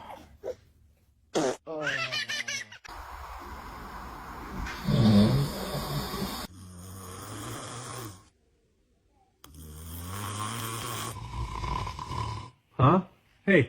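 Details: Baby: irregular snorting, rattling breaths mixed with squeals and a few grunts, with room noise and brief laughter; snoring-type noisy breathing.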